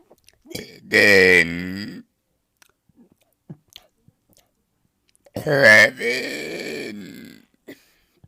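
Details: Deliberate burping, demonstrated for a tutorial and one-minute burping challenge by swallowing air and pushing it back up: two long, loud, voiced belches separated by quiet, with small mouth and swallowing noises between them.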